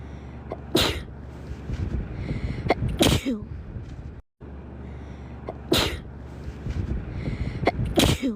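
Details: Female sneezing edit loop: four sharp, explosive sneezes against a steady low room hum, looped with a brief gap partway through.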